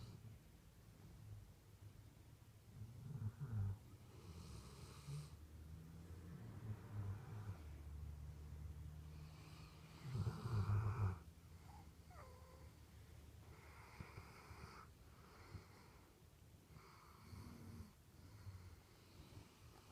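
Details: Sleeping dog snoring: deep, rumbling snores in an uneven rhythm a few seconds apart, with snorting breaths.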